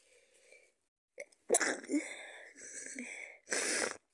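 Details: Person sick with a cold, with snot and cough, takes a sharp intake of breath followed by forceful bursts of sneezing and a final hissing blast; sneezing.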